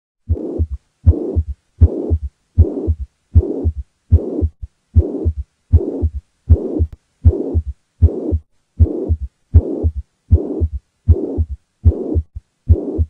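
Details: Mitral regurgitation heart murmur: a regular heartbeat of about 78 per minute with a loud blowing murmur filling the space between the heart sounds.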